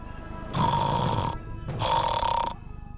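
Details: Acted snoring in a Bengali TV crime drama: two rough, rattling snore-like bursts with a whistling edge, over faint background music, from a kidnapped man said to be drugged with sleeping pills.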